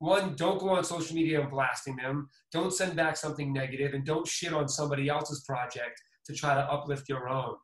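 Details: Adult man; typical speech.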